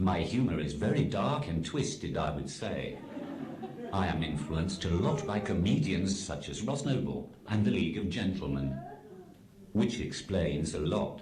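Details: Adult male's text-to-speech communication aid; Synthesized speech from a speech-generating device (cerebral palsy with loss of speech).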